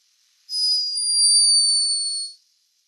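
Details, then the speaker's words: Sleeping hummingbird recorded by a scientist in Peru: a single thin, high-pitched whistling snore lasting about two seconds, normal for the bird. "A high-pitched but unmistakable snore. Hummingbirds are loved for their beauty and speed. But this one was behaving a little bit like a human."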